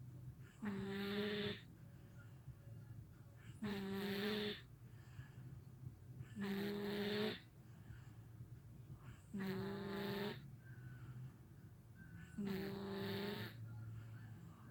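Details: 1-year-old boy who co-sleeps with his parents, snoring like his father: regular buzzing snores about every three seconds, roughly 20 a minute, over a low room hum; toddler snoring.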